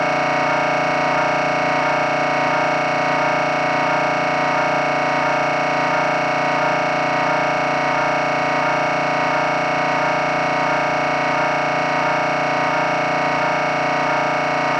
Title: MRI Sounds